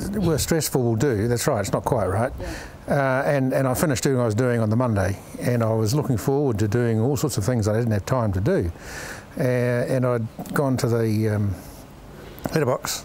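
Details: Severe aphasia in a man, caused by a stroke that followed a stressful day at work; he describes it as about as severe as it gets.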